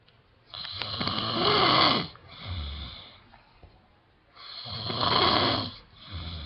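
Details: Adult man (dad) snoring heavily: two loud, rough, fluttering snores, each on the in-breath followed by a softer out-breath, about four seconds apart.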